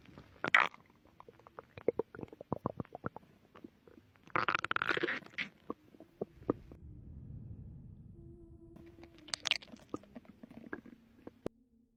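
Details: Bowel sounds in a pregnant woman, relaxing before contractions began: scattered gurgles and squelching pops with a low rumble, mixed with crackly handling noise; stomach growling.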